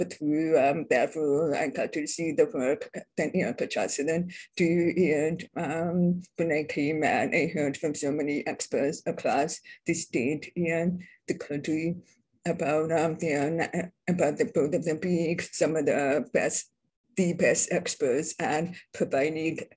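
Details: Adult deaf woman describing her own deaf accent; deaf speech (deaf accent).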